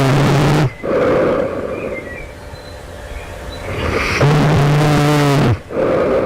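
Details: Loud, rough, rattling snoring with long quiet pauses between snores in a sleeping adult, just before waking at night; the sleeper asks whether this suggests developing sleep apnea; snoring.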